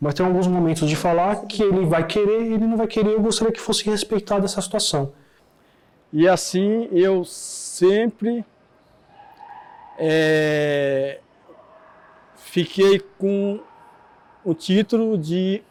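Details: Adult man who stutters, with audible repetitions in his speech.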